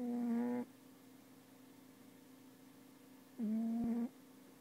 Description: The worst cat snoring ever!